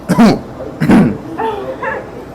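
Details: Two sharp throaty coughs and a brief strained breath after biting into a spicy hot chicken sandwich; coughing from spicy food.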